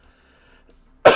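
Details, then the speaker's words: Single short, loud cough at the end of a quiet stretch. The speaker says they are coughing too much and not feeling well, suspects allergies, and is not coughing up blood. "Yeah, I'm coughing too much, so I probably should end the stream now and stop talking."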